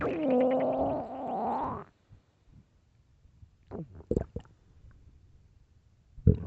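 A long gurgling, rising growl followed by a few short bubbly rumbles: ordinary stomach growling from gas and fluid moving through the gut.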